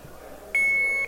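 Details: Alaris infusion pump in a security research demonstration: a single steady high-pitched electronic beep lasting about half a second, the pump's alert tone.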